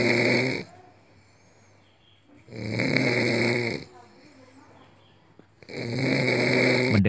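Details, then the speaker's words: Three loud, harsh, rattling breaths in about seven seconds, each over a second with quiet pauses between: snoring during sleep, a harsh sound from a blocked or narrowed airway. "adalah kondisi ketika seseorang mengeluarkan suara kasar saat tidur kondisi ini merupakan dampak dari terhalang atau menyempitnya saluran pernapasan"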